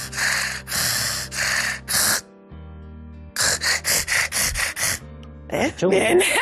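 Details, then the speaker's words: Adult imitating a child sleeping with mouth open: noisy snoring with pauses and gasping breaths, suggesting obstructive sleep apnea-hypopnea syndrome. "si no podríamos detrás de ser ronquido podría haber un síndrome de apnea hipopnea del sueño entonces a los papás se les explica que tienen que estar un poquito alertas y entonces el niño pues está durmiendo normalmente con la boca abierta y hace un sonido tal que así"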